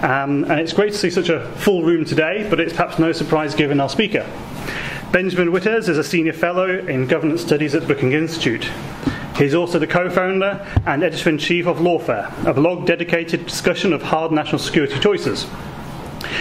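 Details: Adult male speaker; Normal voice.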